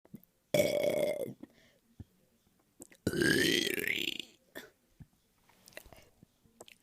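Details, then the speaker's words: Deliberately induced burping, by swallowing air and pushing it back up: two loud, drawn-out voiced burps, the second rising in pitch, with quiet room sounds between them. "so how you is you kind of swallow air down here and then you just and then you would like try to push it back up"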